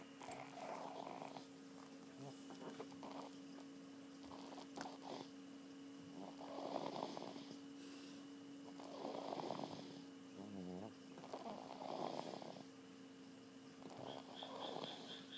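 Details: Person passed out and snoring in deep sleep: rough breathing noises repeating about every two and a half seconds over a steady background hum.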